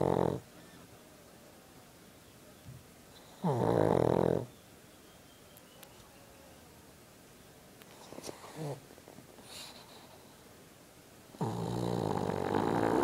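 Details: Sleeping dog: loud, rough snores several seconds apart with quiet room noise between; snoring.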